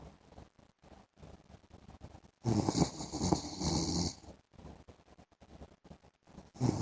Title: PART 2 MY HUSBAND'S SNORING SOUND IN THE AFTERNOON